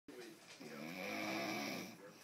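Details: A single drawn-out, buzzing snore on one breath from a sleeping adult woman (wife), fairly quiet in a still room; the household dog dislikes the snoring; ordinary snoring.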